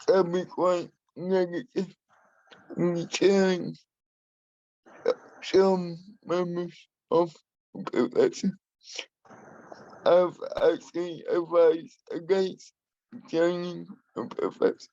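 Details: Adult man with spastic and dyskinetic cerebral palsy who uses a wheelchair; he has a speech impairment that he has worked to minimise and still practises; dysarthria (cerebral palsy).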